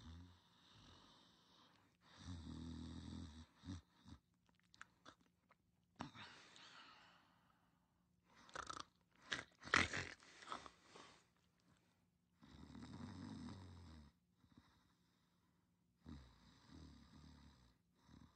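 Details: Person napping in a quiet room with low, buzzy snoring sounds among clicks and rustling.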